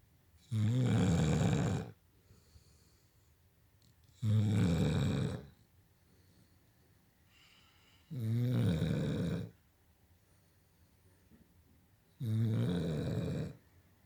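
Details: Female Blue Nose Pitbull snoring while sleeping at night: four loud, low, rattling inhaled snores with quiet gaps, about 16 a minute.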